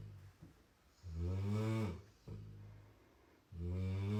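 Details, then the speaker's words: Sleeping dog with a chainsaw-like snore that keeps the household awake: loud, deep, rattling, buzzing snores on each inhalation, like a small motor; heavy snoring. "Qué chulo roncas, papá. No mames, Holmes. Qué sabroso le roncas, padre."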